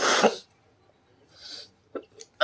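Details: Sneeze induced with paper in a sneezing challenge: a single loud, explosive sneeze followed by soft breaths and small sniffs.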